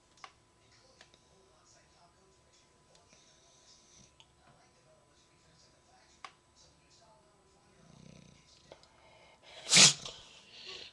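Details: Bulldog sneezing repeatedly, tired but unable to sleep: a quiet room with faint clicks, then one sharp, explosive sneeze near the end.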